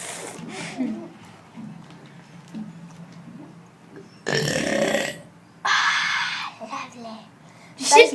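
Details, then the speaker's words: Two long, loud deliberate belches during a burping competition, after quieter talk and household noise; burping. "I just burped up chicken burger. I can't. From the top. Chicken burger."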